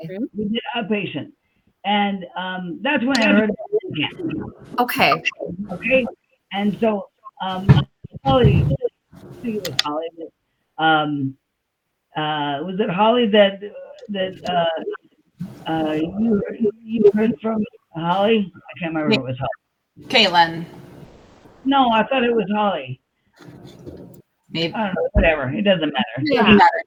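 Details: Adult woman with aphasia after a stroke on July 6, 2021, with word-finding pauses and repeated fillers; aphasia with word-finding difficulty.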